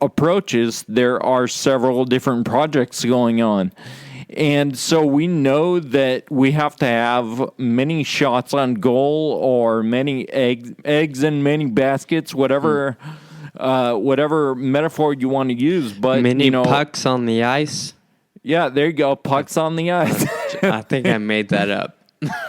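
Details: Adult man with Friedreich's ataxia, which causes slurred speech said to be audible in his talk; dysarthria due to Friedreich's ataxia.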